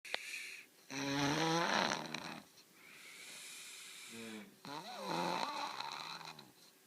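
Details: Loud, harsh, rattling inspiratory snores with a vibrating, groaning tone, two in about seven seconds, from a sleeping 11-year-old boy; his usual nightly snoring all night, often louder; doctor visit planned: snoring.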